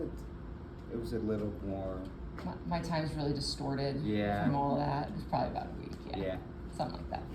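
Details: Adult speaker in conversation; typical speech.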